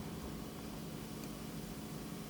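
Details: Continuous low hissing hum of a suction machine during ear microsuction of a large earwax plug trapped in a recess of a twisted, bent ear canal in a man, aided by an endoscope and grabbing instrument.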